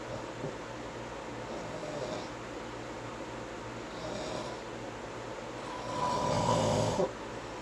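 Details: Snoring during sleep: low, rough, rhythmic breathing noise growing louder toward the end, steady room noise behind.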